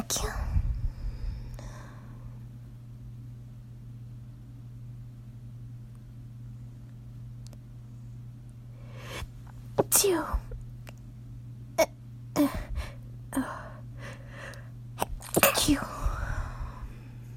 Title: Stifled Sneezes